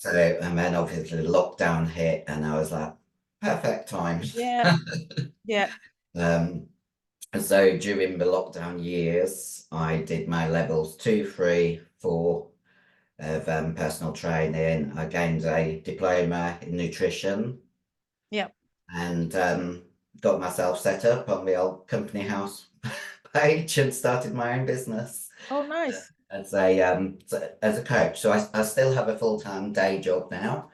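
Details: 56-year-old female bodybuilder who took large doses of male anabolic steroids; voice, formerly very high-pitched, is now very deep and she can no longer sing; also has chronic kidney disease: androgen-induced voice deepening (virilized voice).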